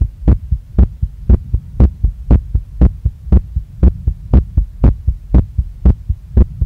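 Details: Very fast, strong pounding female heartbeat after a workout, regular at about 118 a minute, felt in chest, neck, face and stomach with visible chest movement; sinus tachycardia after exercise.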